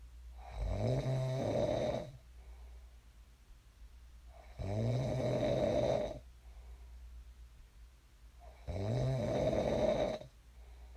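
Three deep, buzzing snores on each breath in, roughly four seconds apart, about 15 breaths a minute; steady sleep snoring.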